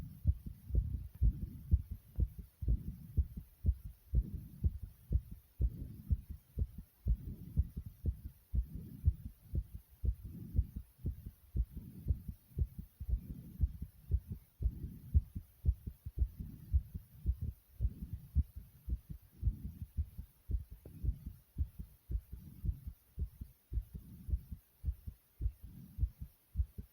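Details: Loud, regular, low thumping heartbeat at about 60 beats a minute, with paired beats in each cycle.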